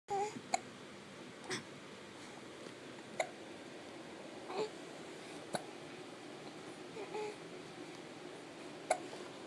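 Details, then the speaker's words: About seven sharp, brief hiccups at irregular one-to-two-second intervals from an infant boy, likely seated in a Bumbo seat, in a quiet room; harmless infant hiccups. "hi hi hi you got the hiccups"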